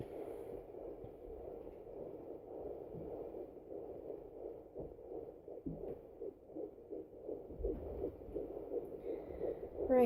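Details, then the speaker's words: Rapid, whooshing pulses of a fetal heartbeat at 153–155 beats per minute at 11 weeks 4 days of pregnancy, via a Sonoline handheld fetal Doppler, with the baby still low and the speaker held near the phone. "it's up to 153 155 I just try to hold it up closer to the phone so that you can hear it"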